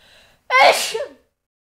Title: WOMAN SNEEZING (sound effects no copyright )